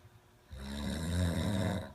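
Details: Snoring.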